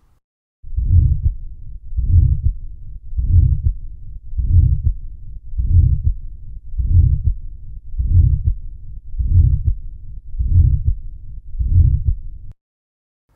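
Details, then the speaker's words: Teaching recording of aortic stenosis on a Thinklabs digital stethoscope: slow regular heartbeat about 50 a minute with a harsh crescendo-decrescendo systolic murmur between first and second heart sounds. "so you'll hear the first heart sound in the second heart sound and then between those hearts you'll hear a systolic murmur that gets louder and then quieter"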